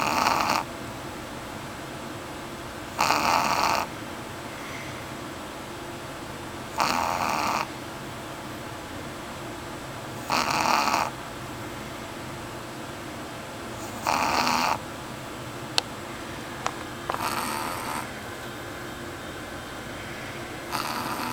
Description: My pugshire dog Eevee snoring while I try to work.